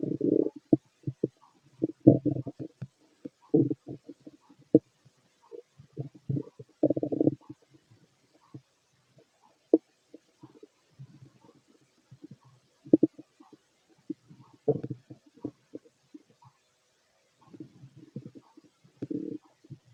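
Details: Fit adult male, stethoscope over the abdomen during digestion of pastry, chicken, curry, bread, milk, eggs and pasta: irregular short gurgles and clicks in bursts with quiet gaps, normal active bowel sounds; heartbeat also recorded.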